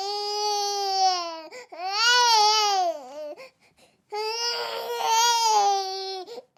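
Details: Infant crying sound effect for desensitizing dogs: repeated sustained cries with a high, wavering pitch and brief gasping pauses between them.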